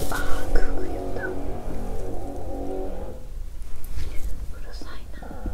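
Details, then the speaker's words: During a 7-day fast: low, drawn-out stomach growl followed by softer gurgles and squelches; ordinary hunger rumbling of an empty, active gut (borborygmi). ""เป็นวันที่ท้องร้องแต่เสียงก่อสร้างดังสนั่น""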